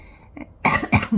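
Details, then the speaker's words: Cough of a 42-year-old woman recovering from a six-week illness. "hear that cough, y'all? And it's really like crazy because like my daughter has a cough too."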